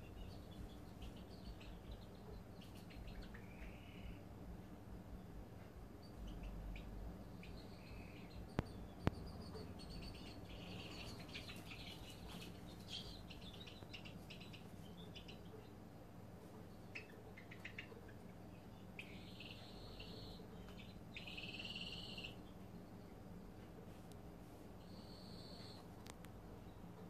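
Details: Serama chicks about 6 weeks old settling to sleep at night, making soft, high, cricket-like trilling snores over a low background hum.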